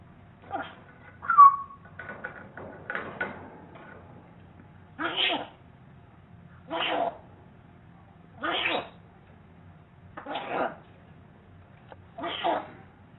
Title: Sneezing Parrot